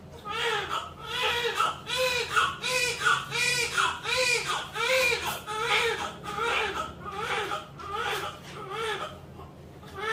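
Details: Newborn crying just after a normal vaginal birth, delivered at 9:45: repeated bursts, about a dozen in ten seconds, with a clear, rising and falling voice.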